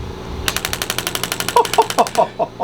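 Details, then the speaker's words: Radial shockwave therapy with an Intelect RPW 2 device on a patient's sensitive, superficial tissue, gel applied: rapid, even mechanical tapping bursts, about twelve a second, from a magnet striking metal inside the handpiece; brief voices near the end. "what you're hearing is a magnet going back and forth inside this device here and it's hitting a piece of metal basically on the other side creating a force"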